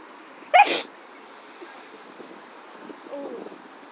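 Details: A single sharp, explosive burst of air, a dog's sneeze, followed by quiet background noise with a faint squeak.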